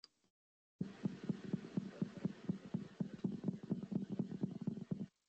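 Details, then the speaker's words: Needle electromyography audio of positive sharp waves: stable, somewhat duller popping discharges rather than the high-pitched, rain-on-a-roof sound of fibrillation. "Y es que eh va a ser estable, no se va a escuchar tanto como eh un ruido agudo sobre lluvia de tejado, sino que se puede ser un estallido un poquito más sordo."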